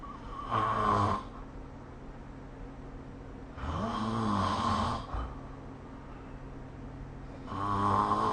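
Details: Loud rattling snores on each breath in, about three in eight seconds, with quiet pauses between; ordinary snoring during sleep, recorded with the SnoreLab phone app.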